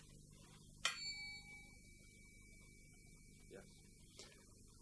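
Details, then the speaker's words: Neurological examination (1985 teaching demonstration): tuning fork vibration sense testing, starting where the male patient will surely feel it, then on bony prominences such as wrist and ankle; patient asked to close eyes and report when vibration stops. "now I can look for vibration since using a tuning fork I start somewhere where I'm pretty certain he's going to feel it can you feel that vibrating"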